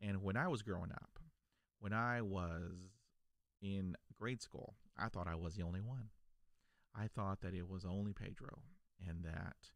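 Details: Adult male who stutters, a lifelong stutterer since childhood; stuttering.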